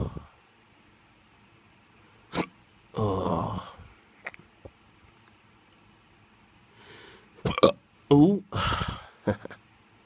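Sudden short voiced catches at irregular intervals, with soft groans and murmurs between them, fitting hiccups.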